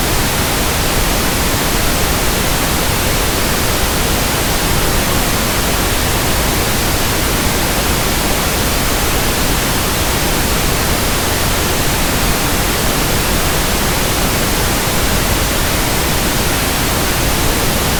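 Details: Simulated pink noise for tinnitus sound matching and frequency testing: a steady, even hissing static with a soft rushing quality, for comparing with persistent tinnitus.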